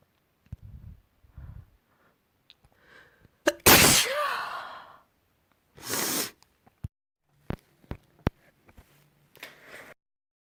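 Quick inward gasps, then two loud, wet, explosive sneezes with a spraying hiss, followed by sniffs in a quiet room.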